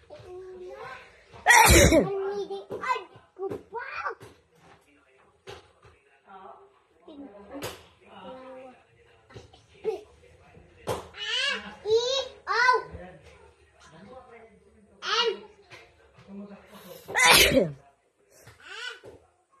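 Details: Two sharp sneezes from a child triggered by tickling the nose, among talk and background music.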